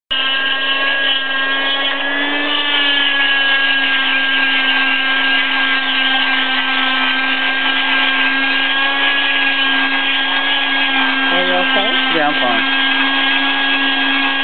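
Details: Loud steady high-pitched motor whine of an oscillating cast saw cutting through a plaster cast on a right wrist broken snowboarding, removed 6 weeks after injury; saw cuts the cast without cutting skin.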